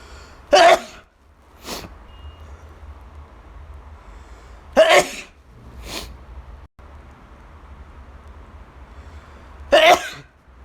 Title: sorry i can't sneeze quietly today 😖